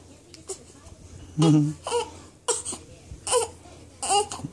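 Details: A baby with hiccups gives short bursts of fussing cries with pauses between, in a quiet room; an ordinary infant cry.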